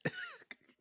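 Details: Adult man, currently ill and coughing in the background of a podcast recording, gives a single short, harsh cough followed by a softer trailing sound.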